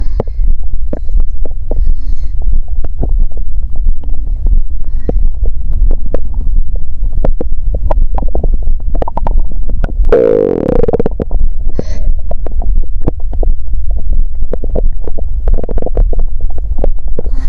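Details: Woman during menstrual period with period pain: low rumbling and gurgling abdominal noises with a longer growl near the middle; ordinary bowel sounds (borborygmi).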